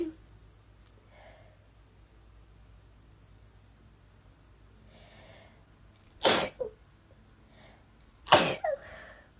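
Quiet breathy inhalations, then two sharp sneezes about two seconds apart, each followed by a brief trailing sound.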